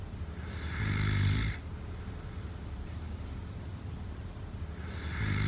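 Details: Two deep, vibrating snores on inward breaths about four seconds apart, with quiet breathing between; snoring during sleep.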